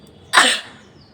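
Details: Deliberately produced sneeze by a woman who says she has been unwell: one sharp, explosive sneeze, recorded on a rooftop during a nose-blowing video.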